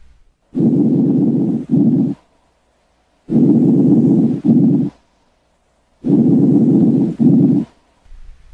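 Soft, low-pitched rustling breaths, about 22 a minute, each with a longer inspiration and a brief, fading expiration: normal vesicular breath sounds.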